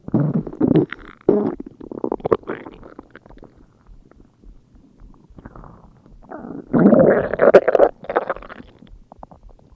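Irregular gurgles, bubbling and low rumbles come in bursts, with a longer growl near the end. Ordinary stomach growling.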